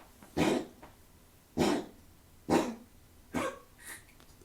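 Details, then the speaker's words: A small Chinese crested dog makes repeated harsh, honking snorts about once a second while breathing, worse on walks. A vet said it is a collapsing trachea, not in the lungs. "he gets that what's called a collapsing trachea where they make that sound when they breathe it's not in his lungs it's not anything that's going to affect his health it just sounds bad"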